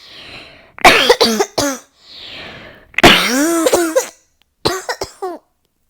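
About ten harsh coughs come in three clusters, with noisy, effortful in-breaths between them. This is a repeated coughing fit.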